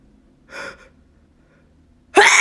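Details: A woman deliberately trying to make herself sneeze: a quick breathy inward gasp, a pause, then the sudden loud burst of a starting sneeze; gasping.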